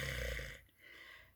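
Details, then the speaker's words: Voice imitation of rhonchi, a brief low rough rattling sound, demonstrating what may be heard with a stethoscope diaphragm on the chest; heard in certain areas it suggests fluid in the lung airways. "the next thing is the thing called rhonchi and that sounds sort of like what I would refer to as a rattle and it's sort of like sounding like something like that"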